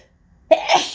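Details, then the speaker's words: Single sharp sneeze after a brief quiet in-breath, part of a long, intense sneezing fit in an office, attributed to windblown pollen. "Just like, oh my God, that was such an intense fit."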